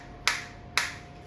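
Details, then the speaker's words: Focused (not radial) shockwave therapy applicator fired against the demonstrator's own hand at minimum intensity, water-filled and bubble-free, frequency 120, 1500 shots selected: two sharp snapping clicks about half a second apart. "देख सकते हैं focus stock आ रही है मेरे को। Intensity अभी minimum है।"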